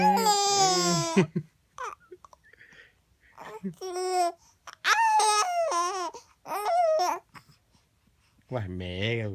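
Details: A sick 4-month-old baby who has been sneezing cries when his father imitates his sneezing sound: repeated voiced crying bursts with short pauses and small breath catches, in a quiet room.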